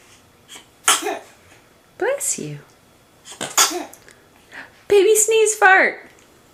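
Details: Several short high-pitched sneezes from a baby with adults saying "bless you" in between; ordinary infant sneezing.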